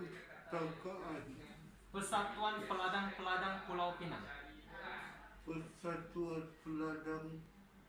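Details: Cerebellar (ataxic) dysarthria in multiple system atrophy, cerebellar type, with intention tremor, right-worse limb ataxia and dysdiadochokinesia, and ataxic gait with freezing; MRI shows hot cross bun sign; patient repeating a Malay phrase.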